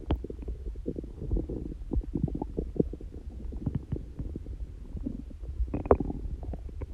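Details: Stomach growling in a person prone to very loud bowel sounds, not hungry and without stomach pain: continuous low gurgling and bubbling rumbles with irregular pops; harmless borborygmi.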